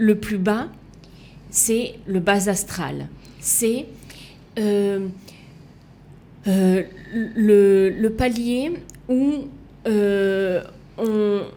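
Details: Woman left with lasting aphasia, a language disorder, and right-sided hemiplegia after an accident and coma; for years she could not place her tongue correctly and fought 7 years to relearn walking and speaking; residual speech difficulties; aphasia.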